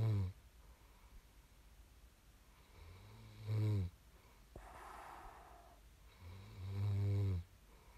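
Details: Ordinary sleep snoring, an ASMR recording: low, rough, buzzing snores on each breath in, about 17 breaths a minute, with quiet breathing between them.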